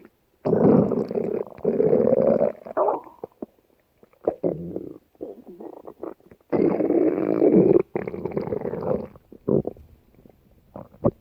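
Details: Loud, long gurgling stomach growls with softer bubbling between them, replayed from a TV scene of a character; borborygmi.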